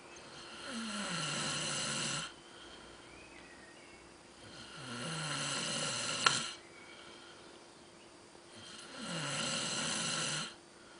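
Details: Sleeping person recorded snoring: three long, rough snores on the in-breath, about 15 breaths a minute, with quiet gaps between; ordinary snoring.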